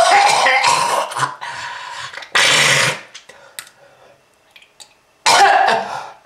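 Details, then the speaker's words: Smoker with lung disease and red-coloured sputum: harsh, wet coughing bursts with throat clearing and gasping between them; persistent smoker's cough. "If you want this to happen to you, just keep smoking. This is lung disease."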